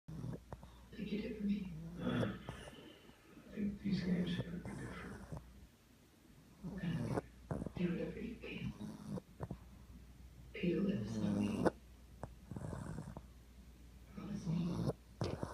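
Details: Snoring in a sleeping pug; loud, rattling, throaty snores in long bursts about 20 a minute, heavy snoring.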